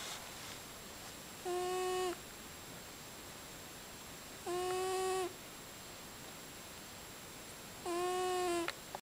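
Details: Snoring: three long, high, whistling tones on the out-breath, each about half a second, over a steady hiss; whistling snores.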